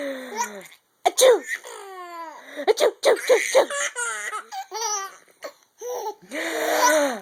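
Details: Sneezing from a mother, with background music.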